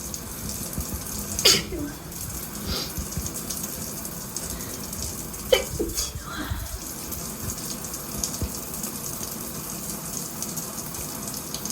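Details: Two sharp sneezes of unknown cause over the steady hiss of running shower water; sneezing.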